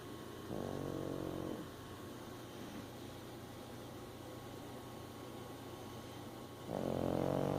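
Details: Snoring: two soft, buzzing snores separated by a quiet stretch, over faint room noise.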